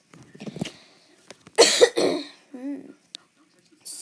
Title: Sorry for the sniffing and coughing